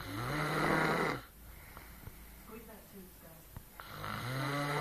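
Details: Adult woman who claims she doesn't snore, snoring in sleep: two buzzing inhaled snores with a quiet pause between, over soft room noise.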